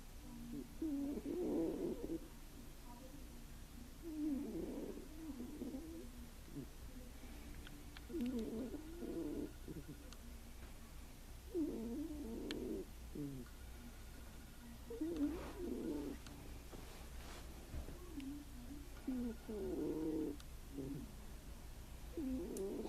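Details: Sleeping Russian Blue cat in deep sleep during a nap, snoring: soft, low, fluttering snores at about 18 breaths a minute over steady room hum.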